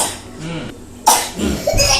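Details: A young child coughs while dancing to a cartoon: two or three short, harsh cough bursts after a quieter stretch, with faint background noise.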